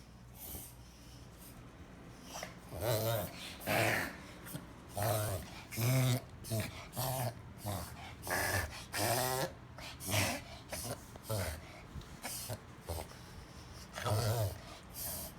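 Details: A dog makes rapid, repeated honking snorts, pulling air sharply in through the nose; owner is unsure of the cause or whether it is dangerous; reverse sneezing.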